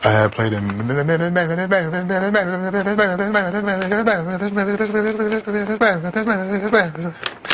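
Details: Very severe stuttering in an adult male, repeatedly blocked on the letter M across several attempts to break the cycle.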